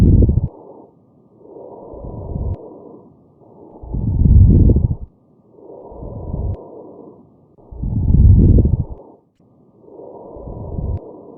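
Steady breathing through a stethoscope with brief popping crackles, an abnormal lung sound.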